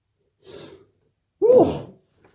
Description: Was waking up by a strong tickle in my nose trying to be quiet so i sneezed into my pillow